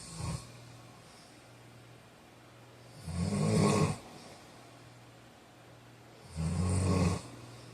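Deep, rumbling snores on the in-breath every few seconds, about 18 per minute, over quiet room noise: snoring during sleep.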